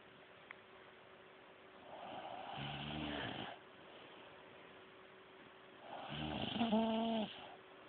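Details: Loud, harsh, grunting snores likened to a farm animal: two rattling, snorting snores, each on a drawn-in breath, separated by quiet breathing in a quiet room.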